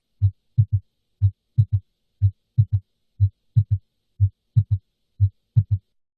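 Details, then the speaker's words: S3 gallop, classically loudest at the cardiac apex: regular heartbeat near 60 a minute with a soft extra low thud just after S2, rhythm like "Ken-tuck-y." "the way many people recognize an S3 is by listening for the word Kentucky so Ken is the S1 and Tucky is the S2 and the S3 together Kentucky Kentucky that's what heart sounds sound like with an S3"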